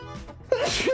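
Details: A quick inhale followed by a sharp, explosive sneeze burst, with faint background music; an ordinary sneeze, one of repeated sneezes.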